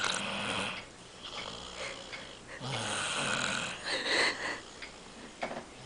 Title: Snoring